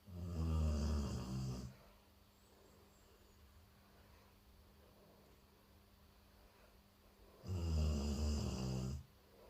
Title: Golden retriever snoring😃|JO🐶|Shorts|AVJvlogs|Kannadachannel|